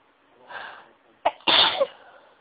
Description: Induced Sneezes that felt so good